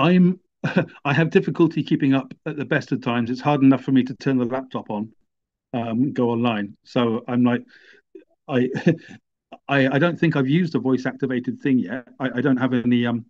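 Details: Speech of an adult man who stammers, in an interview about living with a stammer; stuttering.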